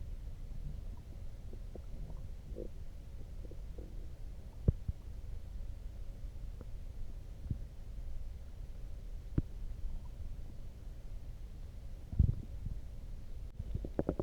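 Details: Loud stomach growling after drinking coffee: low gurgles and scattered pops from the belly over a faint rumbling background; borborygmi, a normal digestive sound.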